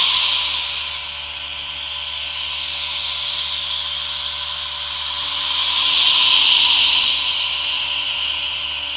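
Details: Steady hissing hum of a running aerosol nebulizer blended with the soft misting of a humidifier, recorded together as relaxation ASMR; normal device sounds.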